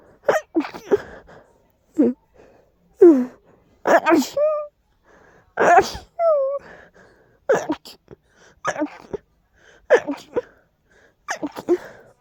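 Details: Strong allergy sneezing fit: a rapid run of about eight forceful sneezes with sharp intakes of breath between them; allergic sneezing fit.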